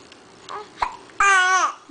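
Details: Baby girl with hiccups, which she gets very often and which shake her whole body and annoy her: two brief, abrupt infant catches followed by a short vocal squeal.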